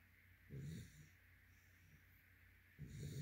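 Two soft, low, snorting breath sounds about two seconds apart in a quiet room; gentle snoring of a sleeping dog.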